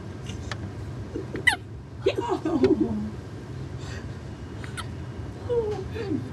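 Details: Male with hiccups, said to sound like a little bird: a few abrupt, short gulping catches over steady road or engine noise, with voices between them; hiccups.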